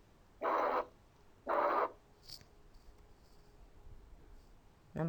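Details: Teaching recording at the left parasternal border with the stethoscope diaphragm: harsh, blowing murmurs filling systole from S1 to S2, a pansystolic murmur of ventricular septal defect.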